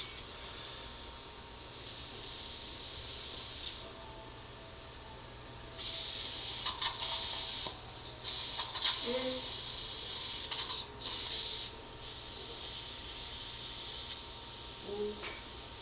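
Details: Dental surgery on tooth 13 with a crown-root fracture: periotome extraction, then OneGuide-guided immediate implant placement with a dual zone graft. Heard is a steady high suction hiss with louder bursts of spraying and whirring from the drill.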